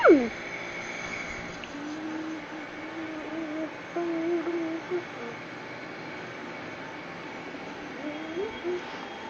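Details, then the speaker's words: Young child with a cough (who has clubfoot) being nebulized on March 17, 2017: steady mechanical hum and hiss of an electric nebulizer compressor running, with faint child sounds. "Today is March the 17th. is being nebulized again."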